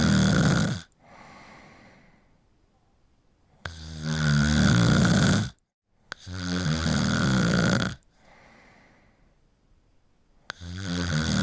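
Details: Loud, rattling snores on breaths in with quiet breaths out between, roughly every three to four seconds; ordinary heavy snoring during sleep.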